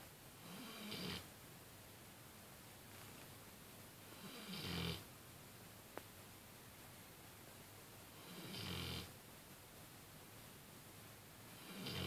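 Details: Loud snoring during sleep: rattling snores on inhalation, roughly 16 a minute, separated by quiet pauses; snoring.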